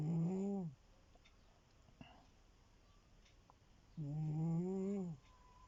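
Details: Two loud, voiced snores about four seconds apart, with quiet breathing between them, from a sleeping cat described as a habitually noisy sleeper; cat snoring.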